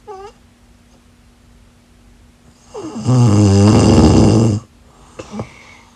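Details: Ordinary snoring during sleep: one loud, long, rumbling snore on an in-breath, with quiet breathing before and after.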